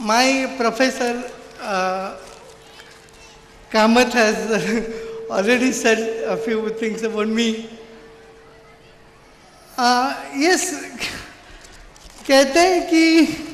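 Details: Adult man with severe cerebral palsy since birth who could not walk or talk as a child; finding: dysarthria due to cerebral palsy.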